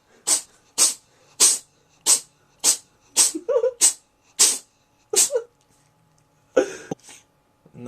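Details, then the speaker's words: Cat having an epic sneezing attack: a rapid run of about nine sharp, hissing sneezes, followed by a snort. "I'm being rudely interrupted by, by epic sneezing."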